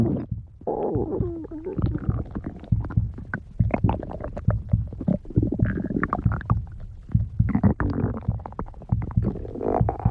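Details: Low, irregular gurgles and rumbles with brief squeaky tones throughout; stomach growling (borborygmi).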